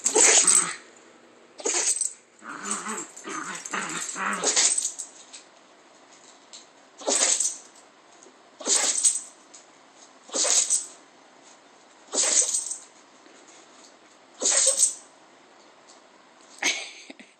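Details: Dog giving a run of about ten short, hissing, snorting bursts a couple of seconds apart. Repeated sneezing.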